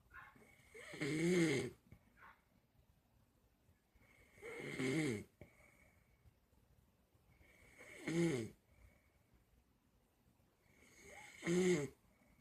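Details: Person passed out, snoring: short, buzzy snores with a slight rising tone, about 17 a minute, separated by quiet exhalations.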